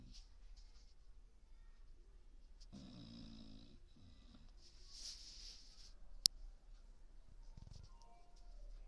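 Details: Sleeping dog in a deep sleep: soft rhythmic snoring breaths in a quiet room with a brief sharp click; snoring.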